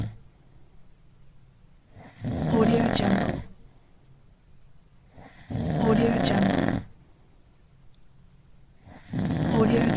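Loud, rough snores on each breath in, about 18 a minute, with quiet pauses between them.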